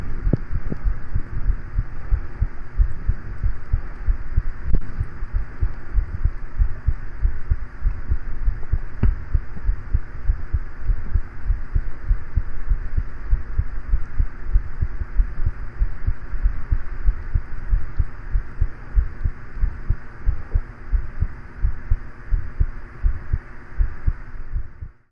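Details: Normal heart sounds: steady low heartbeat thumps at about 95 a minute over a constant fan hum.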